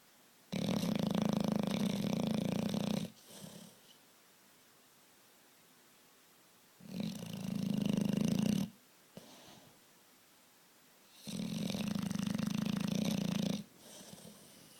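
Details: Beauregard, a big bulldog, asleep: loud deep rumbling snores of two to three seconds each, three in about 15 seconds with silent gaps; snoring.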